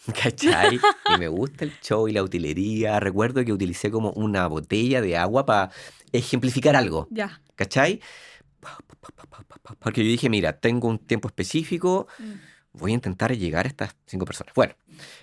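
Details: Adult man, organizational psychologist, with lifelong stuttering since childhood; Spanish speech; stuttering.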